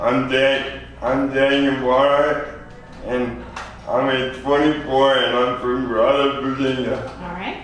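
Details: 24-year-old man with lifelong spastic quadriplegic cerebral palsy, born prematurely weighing 2 lb 4 oz; real patient; dysarthria (spastic, cerebral palsy).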